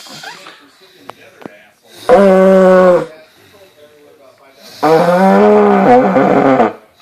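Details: Mother asleep after a long night of partying: two long, loud, squeaky, high-pitched whistling snores a few seconds apart, with quiet breathing between them. Snoring.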